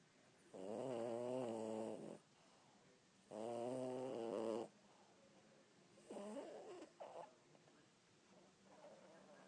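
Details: Loud snoring from a sleeper whose snoring keeps others awake at night: two long, loud, rattling inspiratory snores a few seconds apart, then quieter snuffling breaths.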